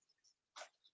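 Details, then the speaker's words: Single short, sharp sneeze from Scooby, a six-and-a-half-year-old rabbit described as really sick with a sinus infection, on antibiotics and painkillers. "scooby's sneezing all right darling can you hear him sneezing he's really sick"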